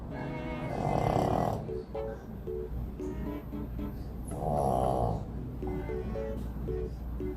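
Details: Two long, rattling snores roughly four seconds apart from a dog sleeping at a reception area before a bath, with music between them; snoring.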